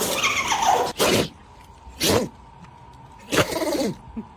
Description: This adorable dog just can’t stop sneezing! 🤧🐾